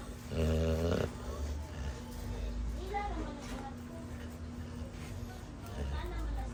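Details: Sleeping dog, tagged as a puppy and a bully breed, gives one loud, rough, rattling snore, then quieter low snuffling breaths over a steady background hum: snoring.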